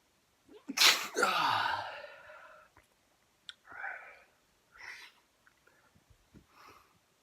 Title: Real Sneeze Attack